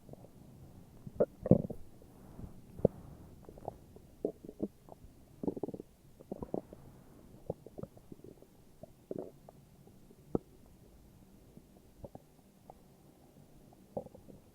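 Quiet, irregular gurgles and soft pops scattered over about fifteen seconds: ordinary stomach growling.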